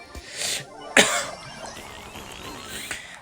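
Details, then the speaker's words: Single abrupt, harsh cough from a French-speaking gamer over quiet game music and background noise. He apologises for coughing and says his voice is hoarse and gone and his throat is not working. "Désolé si je tousse j'ai la voix enrouée j'ai tout ma voix elle a elle est décédée"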